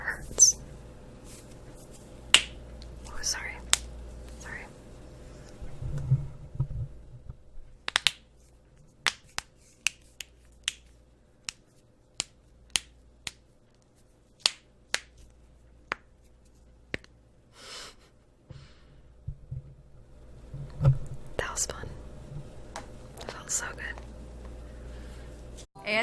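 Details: Sharp isolated pops and clicks of joints being deliberately cracked, over low room hum and faint whispering: joint cracking (cavitation).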